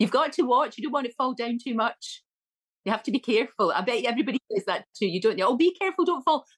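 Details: Adult woman speaking; ordinary speech.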